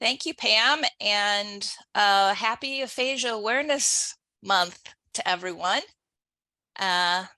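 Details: Adult woman speaking; typical speech.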